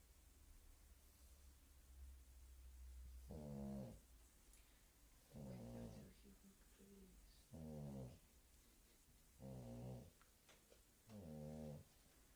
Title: snoring